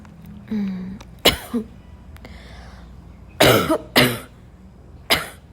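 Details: Repeated dry barking cough: several harsh, dry, barking coughs with throat sounds between them.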